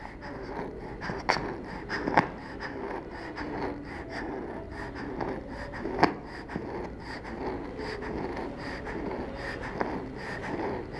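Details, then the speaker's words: Child's faint, musical expiratory wheeze heard on breathing out, judged not to be stridor (stridor is a harsh sound on breathing in); from a training exercise telling stridor apart from colds and other respiratory noises in children. "we heard a wheezing sound when breathing out therefore we decided that hassan did not have stridor stridor is a harsh sound on breathing in this child has wheeze when breathing out listen again"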